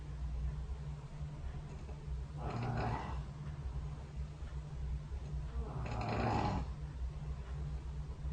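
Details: Snoring recorded overnight by the SnoreLab app running next to the bed during sleep: two soft, rough snoring breaths about 3.5 seconds apart, through faint background hiss.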